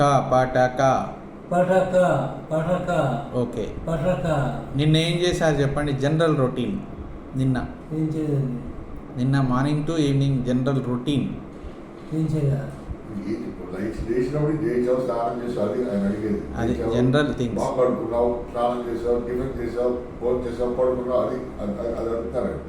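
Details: Adult male with unilateral vocal fold paralysis, recorded during voice therapy, with a hoarse voice (dysphonia) from unilateral vocal fold paralysis.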